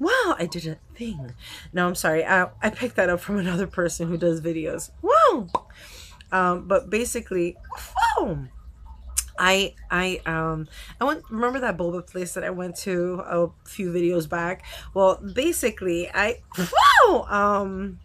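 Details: Woman with Tourette syndrome whose tics are flaring and hard to control, especially on camera; she has vocal outbursts and swearing tics and has not yet started new medication. Tourette syndrome vocal tics.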